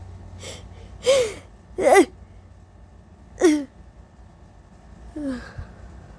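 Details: Person with allergies, allergy medication only starting to help: several sneezes, covered and uncovered, with sharp inhaled catches before them, some muffled or held back, plus coughs, in a quiet room; allergy sneezing.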